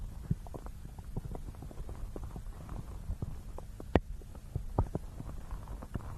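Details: Low, irregular gurgles and soft pops over a steady rumbling hum, real stomach growling recorded up close for ASMR alongside ear-massage sounds; ordinary bowel sounds (borborygmi).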